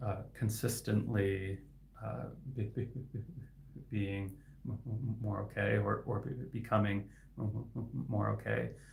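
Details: Adult male speech-language pathologist who stutters; his stuttering is inconsistent, sometimes with words stuck for about 15 seconds; repetitions heard; stuttering.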